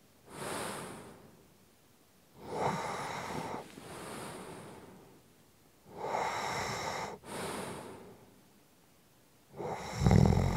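Rough, rattling breaths during sleep, louder on inhalation, about every three to four seconds: snoring.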